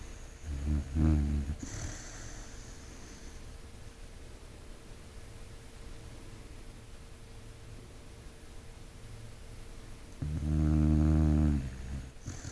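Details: A sleeping dog gives two low, rumbling snores about nine seconds apart, with quiet breathing between.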